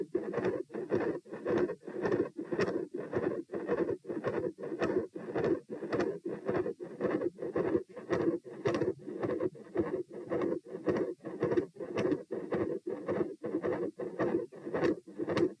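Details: Heart murmur recorded at position P with the patient standing: a loud, rough murmur fills most of each heart cycle at about 110 a minute. Large continuous murmur around S2, possible patent ductus arteriosus.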